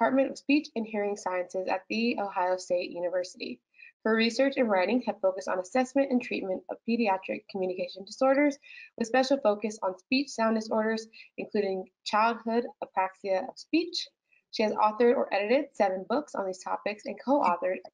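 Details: Adult woman speaking; normal speech.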